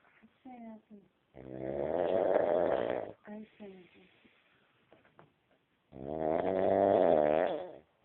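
Two long, loud voiced snores with a buzzing, droning tone, separated by short grunting breaths and quiet pauses; snoring.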